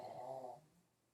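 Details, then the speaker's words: A single rough, rumbling snoring breath from a sleeping female pug, fading out quickly in a quiet room; the snoring is described as normal for a pug. "I don't know if you hear the snoring us that's the Pug a pug she's snoring"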